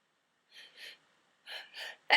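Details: Person sneezing repeatedly after eating mints, recorded in a bathtub: two pairs of quick, breathy, catching in-breaths building up before a sneeze, ending in a sudden burst; gasping.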